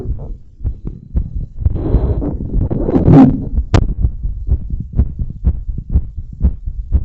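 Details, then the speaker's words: Heartbeat recorded with a device strapped by a stretchy belt around the chest/rib cage after bouncing exercise and balloon blowing: fast, regular beats about 120 a minute with a brief rustle and click; normal heart sounds, raised rate. "so that was five uninterrupted minutes of heartbeat"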